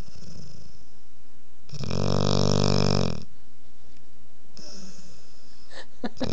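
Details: 5½-month-old female Boerboel puppy asleep with her head on a lap: loud buzzing snore on an in-breath, then quieter breathing and a softer second snore; ordinary snoring.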